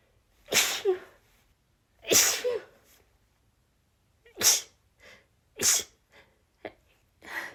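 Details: Female, stifled sneezes building into a nonstop rapid sneezing fit; six or so sharp sneezes in quick succession, some half-stifled, brief breaths between.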